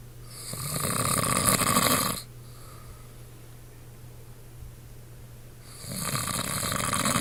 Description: This is what my wonderful husband sounds like every night